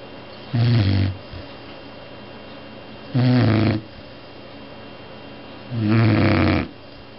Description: chow2 snoring